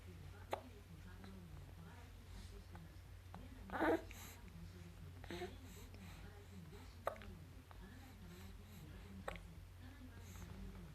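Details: 3-month-old infant: soft, abrupt hiccups at irregular intervals, about four in eleven seconds, over a low steady room hum; infant hiccups.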